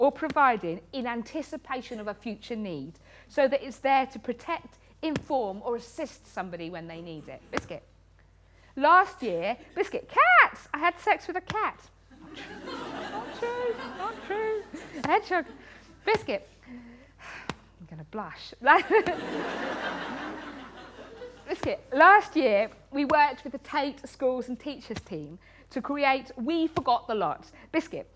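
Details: Woman with Tourette syndrome, a neurological condition causing involuntary movements and noises; frequent vocal tics include "biscuit" (up to 16,000 times a day), "hedgehog" and "cat"; also has coprolalia. Finding: Tourette syndrome vocal tics.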